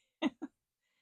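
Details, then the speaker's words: Lingering cough in a child about a week after falling ill: two short, quiet cough bursts in quick succession, heard some distance away. "a poor kid got sick on his birthday and he is just coughing away in there and so it's been about a week and he's fine he just can't get rid of that horrible cough"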